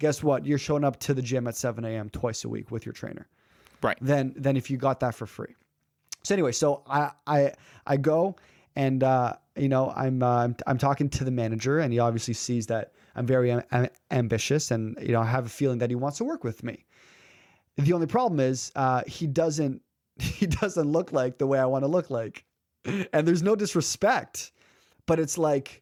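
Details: Adult man who has stuttered since about age 3, with stuttering blocks and speaking anxiety and a family history of stuttering on his mother's side; developmental stuttering.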